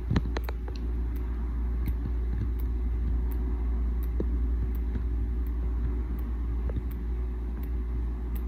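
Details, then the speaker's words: A heart surgery survivor's mechanical heart valve clicks constantly, audible all the time and even at night; the patient now uses the sound instead of taking a pulse. "so those of you that aren't familiar with heart valves or mechanical valves in that case they make noise they click all the time and well let's see if you can hear it but i hear this all every minute of every day and kind of gets annoying at night but i'm getting used to it here let's see if you can hear it"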